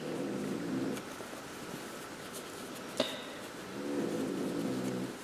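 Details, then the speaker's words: Loud snoring from a sleeping dog in a living room, likened to a jackhammer: snoring. "vous devez entendre ces fabuleux ronflements donc ce n'est pas moi je ne me suis pas endormie je vous ai sur un c'est le chien"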